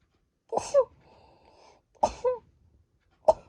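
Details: Sneezing in a quiet room: three sharp sneezes, each a quick in-breath followed by an explosive burst.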